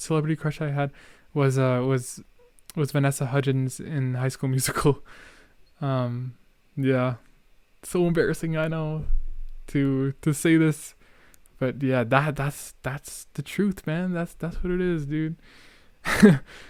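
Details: Real young male speaker who discusses his own stuttering and says he is stuttering a lot; part-word and whole-word repetitions heard; stuttering.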